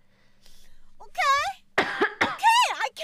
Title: girls coughing compilation